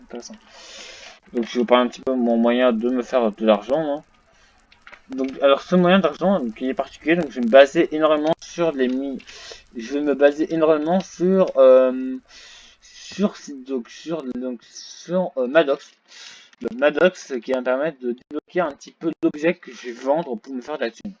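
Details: Male French-speaking gamer who reports a small stuttering problem; stuttering.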